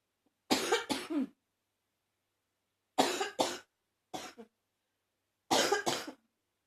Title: #75 a Lil congested cough